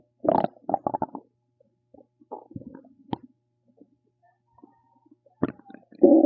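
Scattered gurgles and rumbles from the belly, separated by quiet gaps; ordinary bowel sounds.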